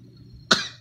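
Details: 11-month-old infant who fakes coughs for attention and beatboxes: a single brief, sharp voluntary fake cough.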